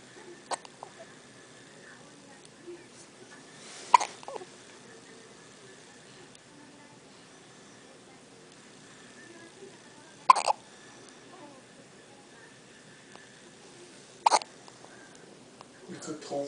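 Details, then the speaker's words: A 1-day-old newborn girl in hospital having her first hiccups: three brief sharp hiccup sounds spaced several seconds apart against faint room noise. "She has the hiccups. Her first hiccups."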